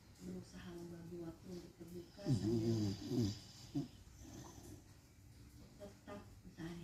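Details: Beagle snoring while asleep after bathing: low, rumbling, buzzy breathing with a louder snorting burst midway.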